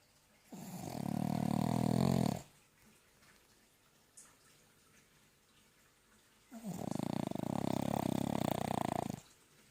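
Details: Snoring during sleep: two long, rough, rattling snores about four seconds apart, with quiet between them.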